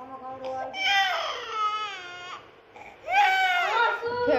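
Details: Baby crying: two rising, wailing cry bursts with a brief whimper between them; an ordinary infant cry.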